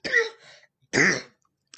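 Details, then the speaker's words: Adult woman's cough, attributed by her to seasonal allergies from heavy pollen in the mountains of North Carolina; two harsh, throaty, frog-like coughs from a tickle in the throat. "I have a first of all an ugly cough. It sounds like a frog. And second of all, I have seasonal allergies"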